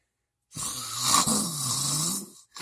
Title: Snoring....It AIN'T funny